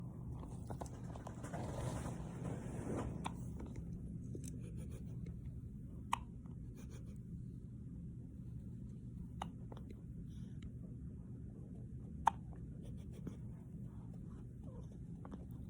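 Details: Four faint, abrupt hiccups about three seconds apart, heard over a steady low room rumble.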